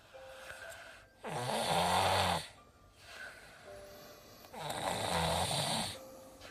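Two loud rattling snores on breaths in, with a congested nasal quality between them. Snoring during a cold.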